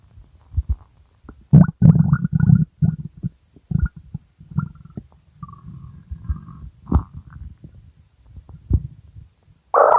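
Loud, low gurgling and rumbling from the stomach in irregular bursts: hunger growling, ordinary bowel sounds.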